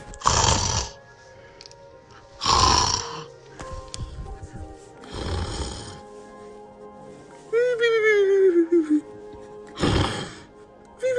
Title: snores a lot